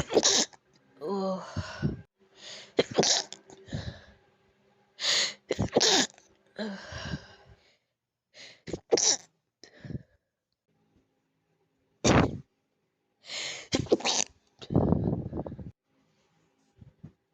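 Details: Sneezing attributed to allergies: several breathy sneezes, some with audible gasping buildups before them, in a quiet room.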